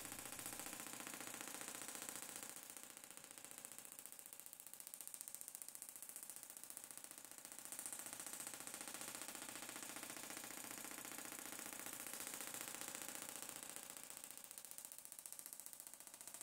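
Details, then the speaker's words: Fast, even rattling pulses from a Gymna Shockmaster 300 extracorporeal shockwave device (2 bar, 15 Hz, 20 mm head, ultrasound gel), moving along the plantar fascia toward 2000 shocks for medial arch plantar fasciitis pain. "we'll keep going here until we hit the 2000 shocks and that's treatment of the planter fascia with the head moving"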